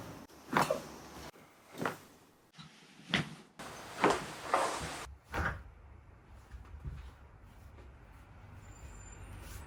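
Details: Chiropractic neck and back adjustments by a chiropractor: run of five sharp, dull pops in quick succession, then quiet room noise; joint cracking during spinal manipulation.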